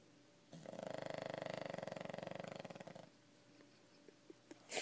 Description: Our pug Murphy taking a little nap. Snoring with his eyes open.